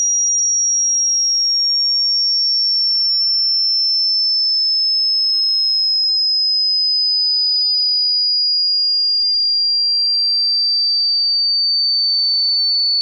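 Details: Hearing test tone sweep from high to low: a single pure high tone slowly gliding downward in pitch.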